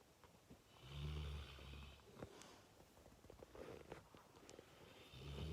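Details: Fully grown male Fox Red Labrador snoring very loudly in sleep, often waking himself: deep rumbling snores with quieter snuffling between breaths.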